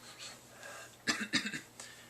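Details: 31-year-old man with Tourette syndrome, mainly motor tics plus vocal tics, tics beginning around age 9. Two or three brief, abrupt cough-like bursts during an interview, a coughing vocal tic.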